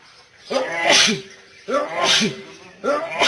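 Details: An adult man in an uncontrollable sneezing fit: three forceful sneezes in quick succession, each a sharp voiced intake then an explosive burst. This is repeated sneezing.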